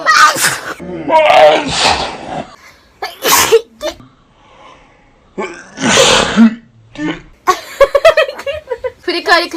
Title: japanese girl sneeze